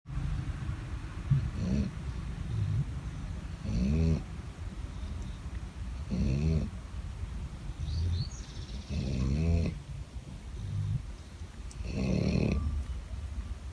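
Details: Two sleeping dogs snoring loudly: low, rattling snores recurring every two to three seconds, about 22 breaths a minute.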